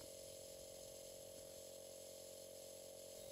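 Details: Philips home nebulizer compressor switched on for aerosol treatment, user seated upright breathing mist: steady humming motor with constant whine; normal running sound.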